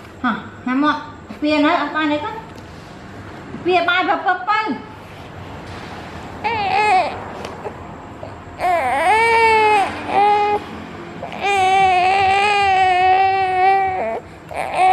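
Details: Infant crying: fussing and babbling building into sustained, strong wailing cries from a baby; ordinary.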